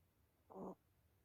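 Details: A single brief, soft, buzzing snore from a sleeping cat in a quiet room.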